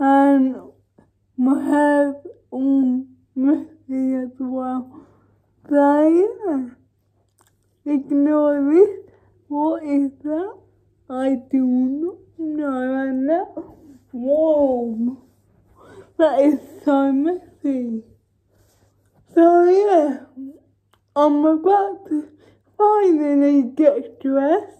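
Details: Dysarthric speech in a woman with cerebral palsy, talking spontaneously in a day-in-my-life vlog during quarantine.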